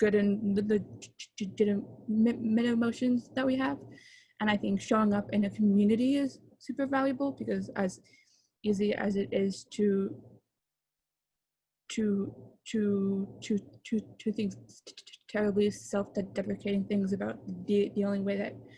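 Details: Adult man, a father, who stutters and chooses to stutter openly, speaking at a convention for young people who stutter; stuttering.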